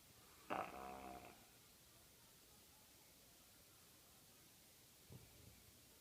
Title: Snoring labs